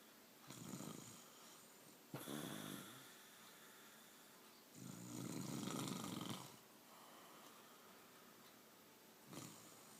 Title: Mom snoring